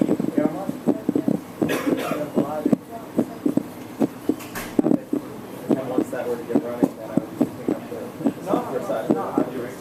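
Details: Normal heart sounds captured by a custom digital stethoscope (chest piece with electret condenser microphone, sampled at 8 kHz): regular thumps at about 78 a minute, played over speakers with room echo and feedback.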